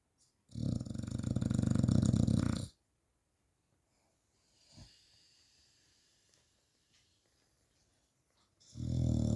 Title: My lazy staffy snoring